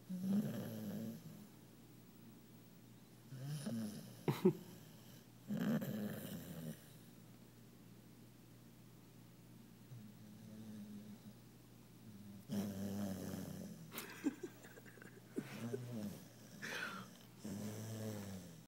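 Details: Worn-out sleeping puppy, twisted up behind another dog and twitching, making repeated low, fluttering snores with quiet pauses between breaths; snoring.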